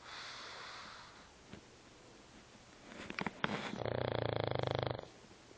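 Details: Soft breathing, then a rattling, fluttering snore on one breath toward the end; snoring.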